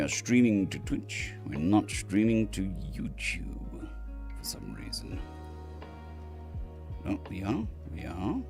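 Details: Adult male recovering from surgery, with the vocal cords mostly healed but having lost strength and stamina, and physiotherapy currently pushing the voice; dysphonia after surgery.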